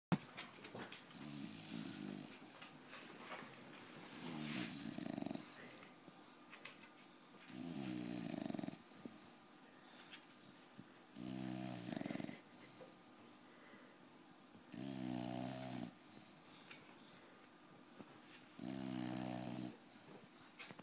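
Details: Sleeping dog snoring loudly in a steady rhythm, about six buzzing snores, roughly 17 breaths a minute.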